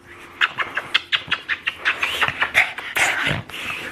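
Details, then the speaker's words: Wheezing from a pet, Lucy, excitedly greeting her owner who has come home after weeks away: a whistling wheeze. "oh i don't know if you can hear her wheezing there the whistle weasel"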